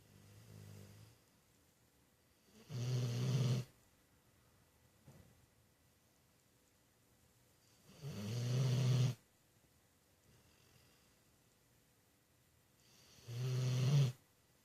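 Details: Very loud snoring: low, buzzing snores about every five seconds, roughly 12 a minute, with quiet pauses between.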